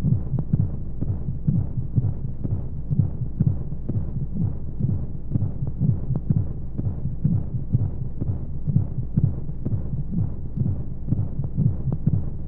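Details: Womb-sound baby sleep aid with white noise: steady low muffled heartbeat thumps at about 125 a minute over a soft whooshing background.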